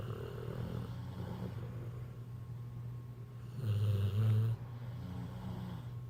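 Low rumbling snores with louder, harsher peaks over steady background rumble; ordinary snoring.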